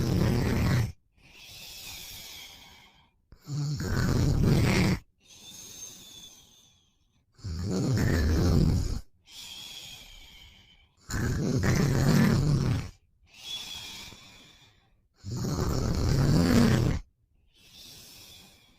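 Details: Boyfriend snoring, sleepy after a long day: loud, rattling inhaled snores with softer breathy exhales, about 15 breaths a minute, regular rhythm.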